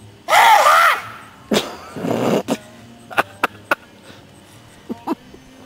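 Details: A loud, drawn-out voiced wail followed by harsh noisy bursts, then scattered clicks and quiet room noise: one unusually loud, dramatic sneeze from a man.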